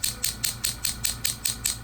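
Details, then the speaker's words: Steady sharp mechanical clicking pulses, about four per second, from a low-level shockwave therapy device on a right ankle partial tendon tear, frequency being increased near the end of the session. "we're just gonna bump up the frequency a little bit as everyone can hear it now and we're almost done here"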